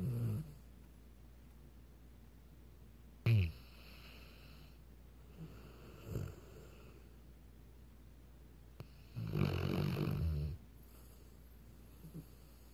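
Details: Weimaraner dog snoring: irregular low snoring snorts and one longer rumbling snore against a quiet steady hum.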